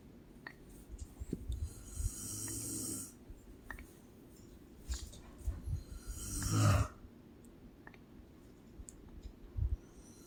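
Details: Snoring from a sleeping mother: soft low snoring breaths with a louder rasping snore, against quiet room noise; ordinary snoring during sleep.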